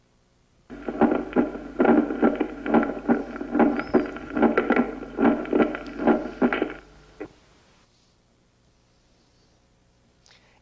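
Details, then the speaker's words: Teaching auscultation recording of a regular heartbeat near 71 a minute with a sharp, accented first sound, a finding attributed to a short PR interval (<0.12 s), as in Wolff-Parkinson-White: loud first heart sound. "se debe a que al iniciarse la contracción ventricular la mitral está aú abierta se oye por ejemplo en el síndrome de parkinson White"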